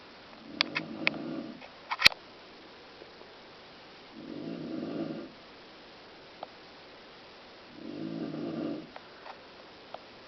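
Three rough, rumbling snores at regular intervals, roughly every four seconds, with light clicks and room noise between them.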